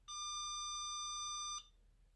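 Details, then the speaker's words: Enraf Nonius Endolaser 120, 800nm cluster-probe low level laser therapy to the plantar fascia for plantar fasciitis: one steady high electronic tone, about 1.5 seconds, as the timer reaches zero, end-of-treatment warning tone. "you'll see now once it gets to zero we get the warning sound to say that the treatment is finished"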